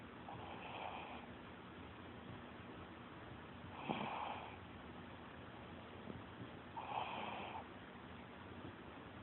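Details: Sleeping puppy snoring: soft, snuffling snores about every three seconds, around 20 a minute, over steady background hiss.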